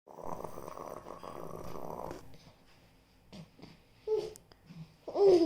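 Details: A child imitates snoring with a rough, rattling snore-like sound for about two seconds.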